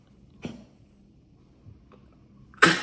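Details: Cough from an animal: two short, harsh expulsive bursts, the second louder and cut off at the end.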